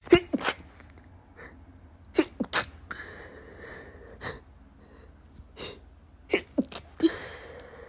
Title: random sneezing fit :)